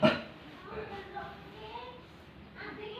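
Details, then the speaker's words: Nurse-guided effective cough technique for an adult male patient to clear sputum, after breathing relaxation: one hand on the chest and one below, deep breath, hold 3 seconds, then cough; only a little sputum comes up. "Jadi batuk efektif itu seperti ini Pak, tangan satu di dada dan satunya di bawah. Kita tarik nafas, tahan 3 detik."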